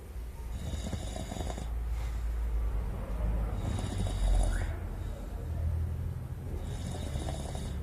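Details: Rhythmic rumbling snores from a sleeping man recur about every three seconds, roughly 20 breaths a minute; snoring.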